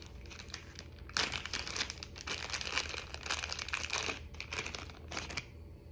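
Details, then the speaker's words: Crinkling and tearing of plastic packaging in a quiet room as a sterile cap is unwrapped for a PICC line, used at home for six weeks of IV antibiotics after a serious infection. "and then I grab one of my caps"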